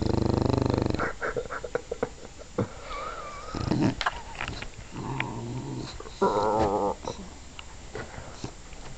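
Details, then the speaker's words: English bulldog snoring while awake: loud, rough, snorting breaths with rattling and growl-like noise, irregular in rhythm. "I'm lazy dog you're awake while you snoring like the"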